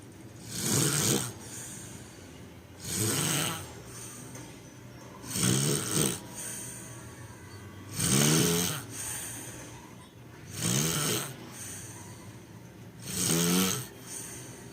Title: Jurassic Snore